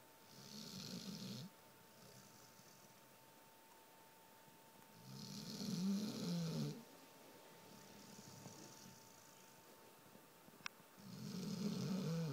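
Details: Low rattling snores with each breath in, about 12 a minute, with quiet pauses between; dog snoring in a quiet room.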